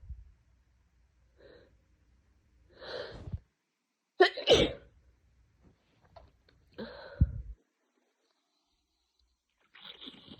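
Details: Adult with a head cold for two days, nose burning: a quick in-breath then an explosive sneeze, followed by a second sneeze; repeated sneezing.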